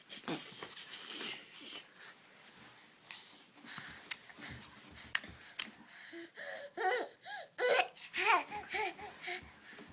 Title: Baby Gasping sounds